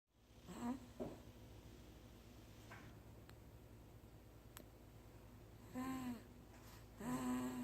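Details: Snoring, recorded July 27, 2016.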